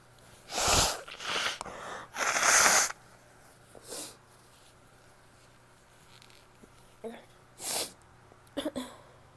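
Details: Female sneezing: several sharp hissing sneezes in quick succession with small sniffs between, in a quiet room.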